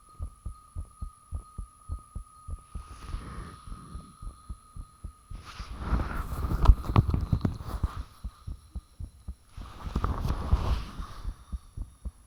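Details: Self-recorded heart sounds with fan off after heart suddenly became very thumpy: steady, regular low heartbeat thumps under constant electrical hum, bursts of rubbing noise, valve and blood-rushing sounds audible.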